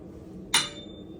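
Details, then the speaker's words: A single sharp metallic strike and fading high ring of a tuning fork struck for a Rinne test of cranial nerve VIII during a head-to-toe exam, placed behind then in front of the ear; air conduction exceeded bone conduction 2:1, normal. "so then now i'm going to do the rhine test so i'm going to strike this again and i'm going to place it behind your ear and then in front"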